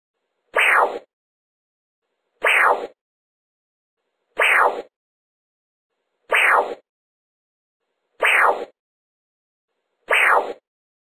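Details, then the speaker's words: Oesophageal Doppler probe (Deltex EDM+ TrueVue) slowly rotated to focus on the aortic signal: regular sharp whip-crack whooshes about 31 a minute; a loud, crisp aortic flow signal marking correct probe focus. "you may need to adjust the volume control as you listen for the associated loudest sharpest with crap"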